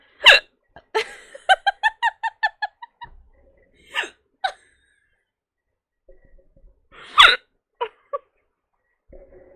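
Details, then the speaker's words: Hiccups, described as really bad and unstoppable, from a streamer who has wine hiccups. "I'm having really bad hiccups right now."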